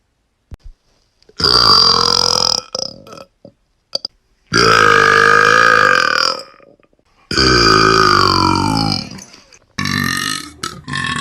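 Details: Young woman burping: three long, loud, voiced belches and a shorter one, separated by brief pauses.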